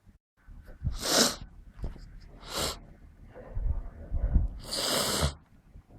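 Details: Three sharp, hissing bursts of explosive breath out in about six seconds, with some low rumbling between; a couple of sneezes and sniffles.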